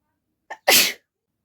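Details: Sneeze deliberately induced by poking an ear-cleaning stick in the nose during a sneezing challenge, without a tissue; a brief in-breath, then one loud explosive sneeze.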